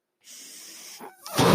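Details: The speaker's own mechanical ventilator, heard while he talks: a soft, steady airy hiss lasting under a second, then a brief pause and a louder rush of air.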